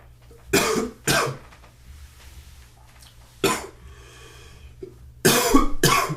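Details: Adult morning cough: five short, harsh coughs in clusters of two, one, then two, separated by quiet pauses over a low steady hum, with one sneeze mentioned.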